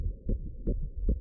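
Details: Normal fetal heartbeat heard on the ultrasound machine during a pregnancy scan of a head-down fetus: rapid, regular whooshing Doppler beats at about 150 per minute.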